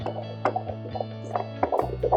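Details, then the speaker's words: Fetal heartbeat at a 16-week antenatal midwife appointment, recorded by handheld Doppler: fast, rhythmic whooshing pulses over a steady electronic hum, about 150 bpm, described as perfect; normal fetal heartbeat. "How fast is it? It's about 150bpm, at the moment, so it's perfect"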